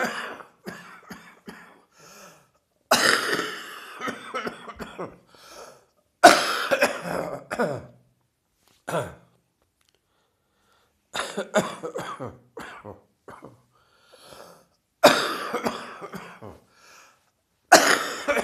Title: Heavy Chest Cold Wheezing and Coughing